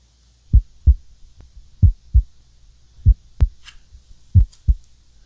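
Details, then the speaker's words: Steady paired heart thumps, about 47 a minute, with no murmur between beats, heard by stethoscope during a roleplay physical exam of an adult woman after a diving head and shoulder injury; normal heart sounds. "None noted, which is very good."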